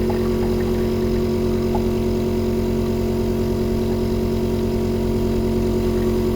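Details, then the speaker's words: Portable medical suction pump (Onemed 7E series) running with a catheter tube attached, switched on and suction power adjusted for suctioning saliva or mucus: a steady motor hum with a rapid, regular pulsing drone. "kita bisa langsung masukin untuk menyedot si air liur ataupun lendir Jangan lupa untuk nyalain tombol on off dan ngur daya hisabnya"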